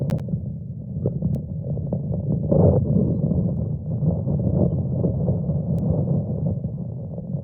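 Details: Normal rumen contractions.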